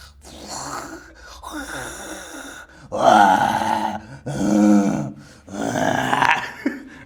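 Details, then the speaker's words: Adult man asleep, very tired after the previous night: loud, rough, low-pitched snores repeating in a steady rhythm with each breath, with brief quiet gaps, in a small room: heavy snoring. "So guys పెద్ద గురక ఎప్పుడైనా విన్నారా మీరు so పెద్ద గురకం వినిపిస్తా మీకు ఇది old లోనే Guinness record అన్నమాట"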